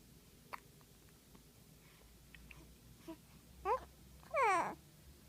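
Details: In a quiet room, a baby being readied for a bath makes a few short, abrupt voiced squeaks with one faint click between them: infant hiccups.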